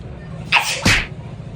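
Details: Sneeze, likely faked as a prank on a nephew: a single sharp two-part sneeze, a hissing intake then an explosive burst.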